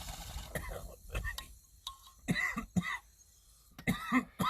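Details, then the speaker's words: Several short, harsh coughs and throat clearing from an adult just after inhaling a dab of smoke, with some room noise; coughing after inhaling smoke. "you're gonna hear me hit a dab which you're gonna hear that I coughed every single time after I hit my dad"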